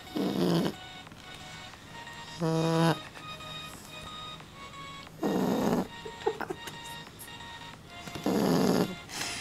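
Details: Sleeping dog: loud, rough snores about every three seconds, roughly 21 a minute, with music underneath; dog snoring.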